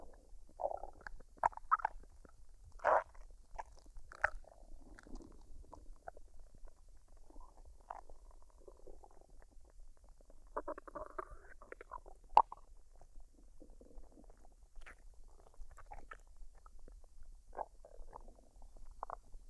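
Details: Woman's stomach digesting fried rice and duck after dinner, unedited and with no artificial sounds added: quiet, irregular gurgles and squelches coming and going; normal bowel sounds.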